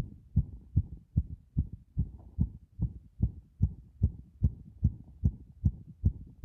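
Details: Heartbeat recorded with the device pressed against the chest after a bath: regular, deep thumping at about 75 beats a minute, both sounds of each beat clear; ordinary heartbeat.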